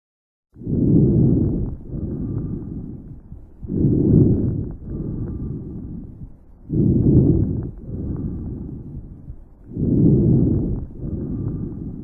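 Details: Breath sounds: four regular breath cycles at about 20 a minute, each with a loud rough phase and then a longer, softer one.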